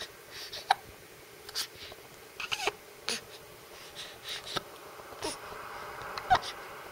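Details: Dylan, a 1-week-old baby, trying to relax while having hiccups.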